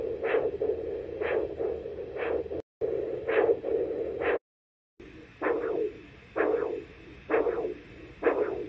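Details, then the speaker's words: Doppler recording of both radial pulses in a control subject, rhythmic whooshing pulse sounds about 65 a minute over steady hiss, arriving at the same time; normal timing, contrasted with radio-femoral delay in coarctation. "oh wow this is a control both of his art His Radio pulses should come at the exact same time"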